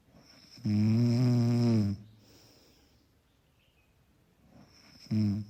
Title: Snoring == Soft and Mellow, Background sound for effortless sleeping.